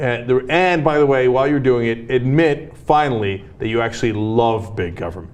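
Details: Adult male speaker; typical speech.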